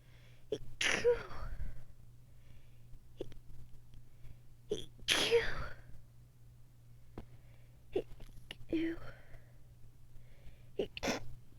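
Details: Adult with sinus infection and allergies (itchy, sore throat, watery eyes, sensitive nose after dog sitting, dust and high pollen). Several forceful sneezes, each with a sharp inhaled build-up and explosive release, with soft talk between.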